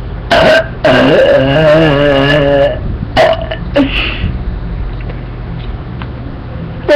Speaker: the trick to have big burps is drinking soda cans cuz they have more caffeine and sugar ow they have um more sugar and caffeine and them and um the trick to doing it is that you take little sips but with lots of air